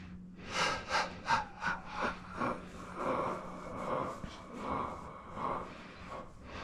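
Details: A series of short nasal snorts and audible breaths over a faint steady hum, from a client taking deep breaths and relaxing during a deep face and head massage with neck adjustments; snorting.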